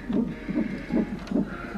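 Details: Fetal monitor at 37 weeks in early labor, mother contracting, 2–3.5 cm dilated: rapid regular whooshing thumps about 140 a minute; normal fetal heartbeat.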